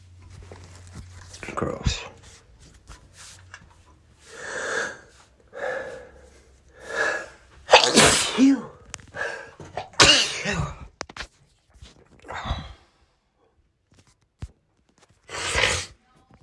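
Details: Allergy sneezes with nose blows (dog-related per title): repeated short, explosive nasal bursts with snorting blows between them, amid snorts and throat clearing.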